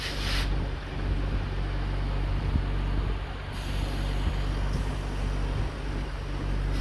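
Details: Entrusted Oxy Care Prime 10 LPM oxygen concentrator set to about 8 L/min flow, purity tested above 93%: loud steady low mechanical rumble with periodic hissing air releases; oxygen concentrator running.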